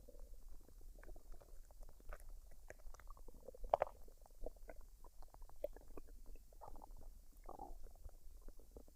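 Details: Woman digesting a dinner of fried rice and duck, unedited with no artificial sounds or talking: soft, irregular gurgles, pops and rumbles throughout. Normal bowel sounds.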